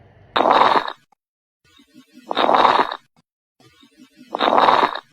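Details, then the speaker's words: Lung-sound teaching example: three noisy breaths with fine popping through each, typical of crackles (rales) from fluid or collapsed air sacs. "for crackles AKA rails remember that these affect the Tails this is a crackly pop"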